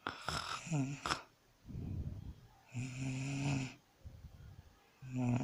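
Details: Person recording own sleep: loud rhythmic snoring with deep buzzing on each inspiration and quiet expirations between; snoring.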